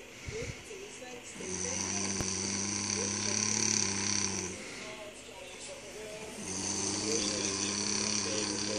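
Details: Snoring while asleep: two long, droning, buzzy breath sounds separated by a quieter pause, with steady background room noise.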